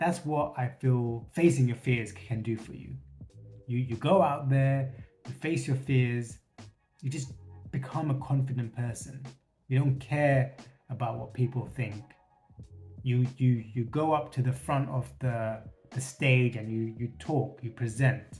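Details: Adult male who says he has a stutter and has reduced it by facing his fears; repetitions in his speech; stuttering.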